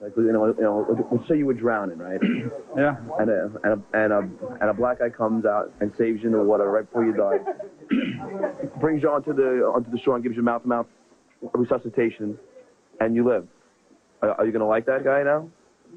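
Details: Adult male with stuttering present since second grade.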